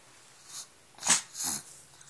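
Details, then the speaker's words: Male dog sneezing on command as a trick: a few short, sharp nasal bursts, a run of sneezes, praised with "good boy". "Uh-oh. Sneeze. Good boy. Sneeze again."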